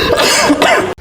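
One drawn-out, strongly voiced cough lasting about a second, performed as an exaggerated comic imitation rather than a genuine cough.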